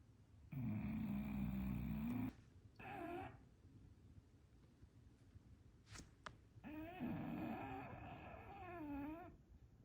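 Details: Sleeping English bulldog, twitching, possibly having a bad dream: long, rough, buzzing snoring breaths with whining, groaning sleep noises.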